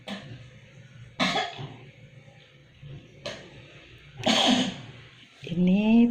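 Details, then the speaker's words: Repeated harsh coughs with strained, breathy sounds between them from a patient with an enlarged heart, shortness of breath and a cough lasting 4 years, recorded before treatment; chronic cough. "pasien yang sebelum saya tangani, yang batuk seperti ini dialami selama 4 tahun lamanya."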